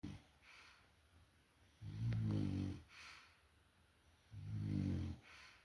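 Loud, low rattling snores on each in-breath, about two in five seconds, with softer out-breaths between; a dog snoring.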